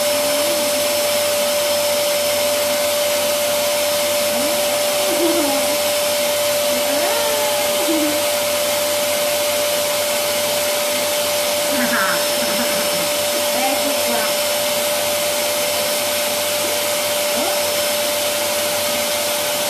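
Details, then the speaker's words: Vacuum-powered nasal aspirator (Benny) attached by tube to a household vacuum cleaner, used to clear a young child's nose: steady loud vacuum motor roar with a constant whine and faint voices. "allora come ho detto prima quadro da un po ma semplicemente attaccato il tubo così e con un movimento accendiamo l'aspirapolvere facciamo vedere aspiriamo questo casino vai"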